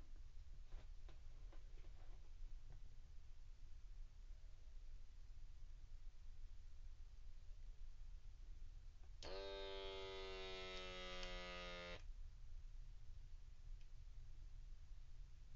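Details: HealthWise adult wrist blood pressure monitor (model 59-541) on a seated, relaxed adult: a small pump's rising motor whine as the cuff inflates automatically, then quiet deflation.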